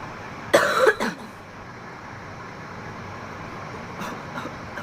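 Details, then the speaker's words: Woman coughing right after a bong hit of marijuana in a car: a harsh burst of two or three coughs, then softer coughs, over steady car noise. "Oh my god, I instantly like okay, there's a little bit of weed left in there. Woo! I'm just coughing from that bong hit."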